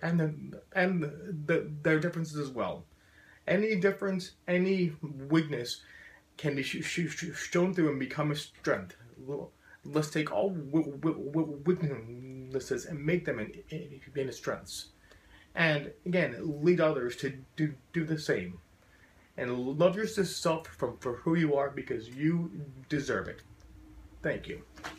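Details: Adult man with a very severe stutter since childhood, who still stutters profoundly and uses a SpeakEasy in-ear device when speaking to groups; stuttering.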